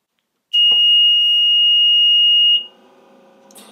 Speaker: next we're going to turn on our concentrator and you will hear some audible alarms which indicates that the concentrator is working